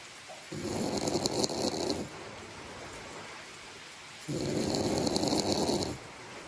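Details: Two long, rough snoring breaths in about six seconds with a quieter breath between, during sleep, over steady low room hiss; snoring.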